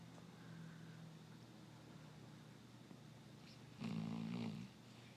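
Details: 3-year-old basset hound snoring: quiet room noise, then one rough, low snore on a breath lasting under a second.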